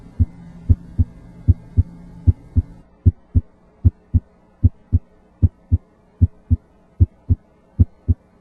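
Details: Normal heart sounds, regular paired beats about 76 a minute over the upper abdomen, faint hum early; normal heart sounds.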